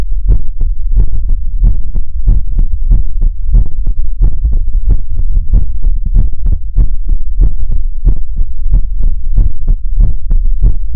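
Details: ASMR heartbeat sounds during a relaxation livestream: steady, deep thumping at about two beats a second, like a fast heartbeat heard close up; heartbeat.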